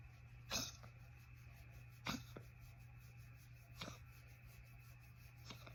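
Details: A dog has a coughing fit while being comforted by its owner: four short, sharp coughs over about six seconds against a steady low room hum.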